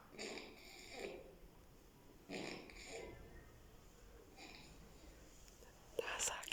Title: #Snoring @ its Best ...